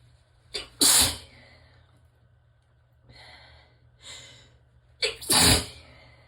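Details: Relaxed sneezing: two sneezes, each preceded by a quick inhalation, with soft sniffing breaths between.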